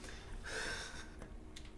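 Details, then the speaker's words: Pet sleeping and snoring loudly gives a single noisy, snorting breath over low room hum: snoring. "Bailey is snoring so loudly. I don't know if the snoring is being picked up on a snoring is being picked up at all."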